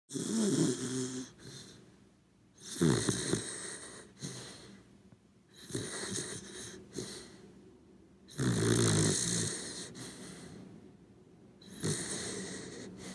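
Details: A sleeping corgi dog snoring: rhythmic rattling snores, about five breaths over thirteen seconds, with quieter breathing between them.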